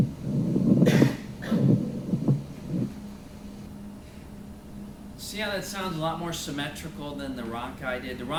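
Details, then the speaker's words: Pleural friction rub from inflammation of the pleural space between chest wall and lung: dry, grating creaks with breathing, like bending old leather, resembling rhonchi but drier. "throat friction rubs are caused by the patient having an inflammation in that pleural space so the pleural space is the space between the chest wall and the lung"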